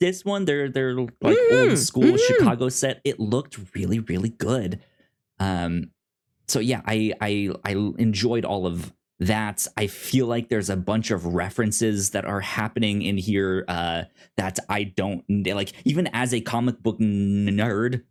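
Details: Self-described stuttering in an adult male podcast host who says he has a speech impediment; repeated words heard; stuttering.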